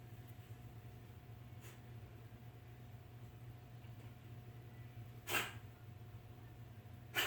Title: coughing